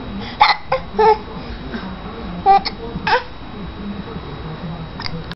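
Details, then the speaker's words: 5-month-old infant with hiccups: short sharp voiced catches, about five in five seconds, among babbling, fussing, cries and laughs. "You got too many things going on. The hiccups, the cries. The laughs."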